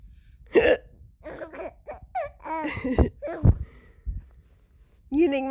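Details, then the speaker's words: Mother's voiced hiccups: several sharp, abrupt adult hiccups, with her infant laughing in between as she talks to the baby about them. "You think Mama's hiccups are funny? That was a funny hiccup, huh? That was a good one."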